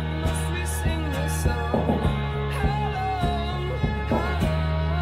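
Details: Hearing loss simulation, accompanying an account in which background sounds like dog barks and sirens seem louder and closer than they are and are heard better than speech.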